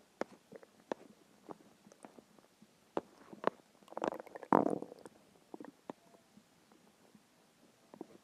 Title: Hungry stomach growls and noises (part 2)